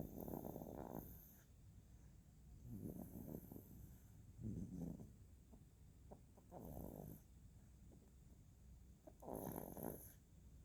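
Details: Sleeping infant snoring: soft, irregular snoring with each breath, about 14 breaths in ten seconds, over faint room noise.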